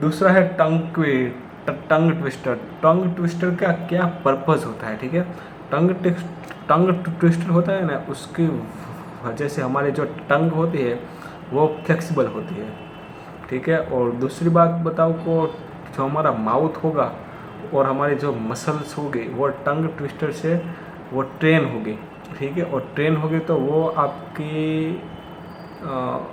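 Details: Hindi-speaking man with self-reported stammer, still practising daily; trouble with words starting with 'd' and 'pr'; part-word and word repetitions; stuttering.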